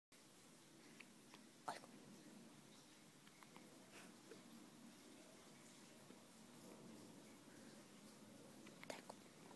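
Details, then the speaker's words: Baby hiccupping, who also hiccupped in the womb: a few soft, sharp hiccup clicks over quiet room noise; infant hiccups. "뱃속에서도 딸꾹질을 하더니 나와서도 해요."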